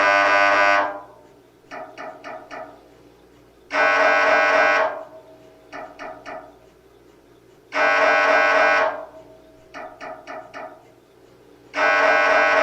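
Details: Sample MRI scanner noise for patient preparation: a loud repeating cycle of a long buzzing tone followed by rapid knocking bursts.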